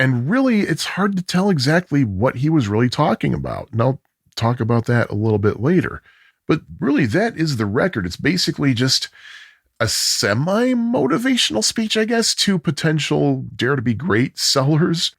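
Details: Adult male narrator; Normal speech.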